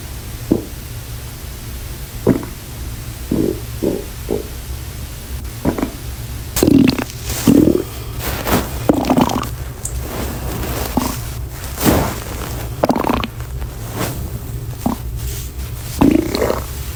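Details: A person's stomach growling: loud gurgling, squeaking rumbles from the belly coming in bursts; borborygmi from gas and fluid moving through the gut.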